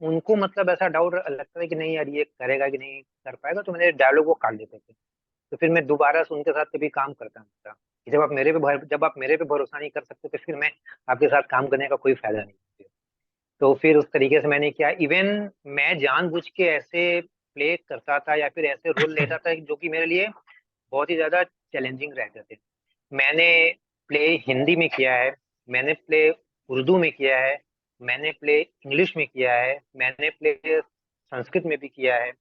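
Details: Stuttering (stammering) since about 2007 in an adult male actor, filmmaker and acting coach, speaking Hindi in a real interview.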